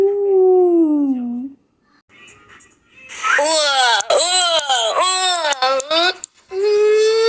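A young child's high, wavering crying with sobbing breaks between cries, after a short quiet gap.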